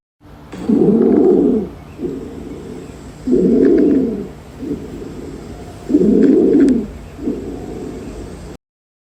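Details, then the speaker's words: Stridor: loud, harsh, high-pitched breath noise with each breath, strongest on breathing in, indicating upper airway obstruction. "El exriidor es un sonido respiratorio que se va a caracterizar por ser agudo y fuerte, que esto va a indicar una obstrucción de las vías superiores."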